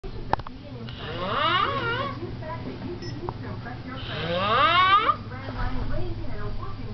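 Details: Adult man passed out asleep: two loud, wavering snores with a rising, almost vocal quality, separated by softer breathing; loud snoring.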